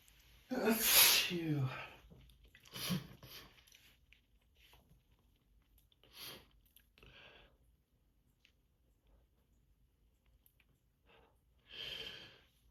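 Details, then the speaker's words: Seasonal allergic rhinitis sneezing fit in the morning: a loud, forceful sneeze followed by several smaller sneezes and sniffs. "These allergies. Been giving me a rough time this year. It's gonna be another long day."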